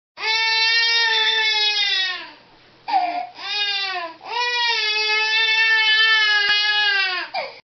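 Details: Infant crying, from a sound-effect recording: loud, high-pitched crying in long wailing bursts separated by a brief breath and short sobs.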